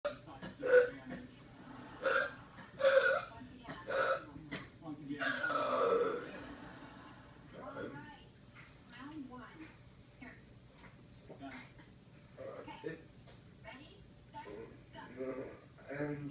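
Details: Coughing and choking spell on drool: short gulping coughs and choking noises, then a longer strained sound.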